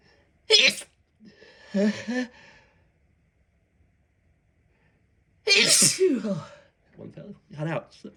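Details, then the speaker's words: Two sharp, explosive sneezes, each followed by brief speech-like sounds, in an otherwise quiet room; mostly stifled sneezing. "Knock myself over. That was a sneeze."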